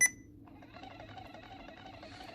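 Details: Sapphire infusion pump for inhaled epoprostenol, disconnected from the Aerogen patient circuit and held over a sink, pressed to prime: short high electronic beep, then quiet whirring hum as priming begins; priming start tone.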